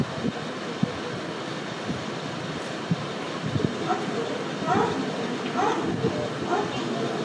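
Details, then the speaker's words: Child with fever breathing fast, respiratory rate about 70, SpO2 80% on room air rising to 95% with oxygen; short soft voiced grunts at the end of each rapid breath, classical expiratory grunting suggesting pneumonia, empyema or pulmonary edema. "What is the sound? Are you able to hear the sound? Classical printing indicates an impending responses either pneumonia, empa or pulmonary edema."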